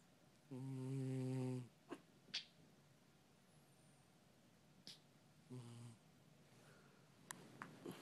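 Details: Pet snoring so loudly it is likened to a human: two low, buzzing snores, one long and one short, separated by quiet breathing and small clicks; snoring.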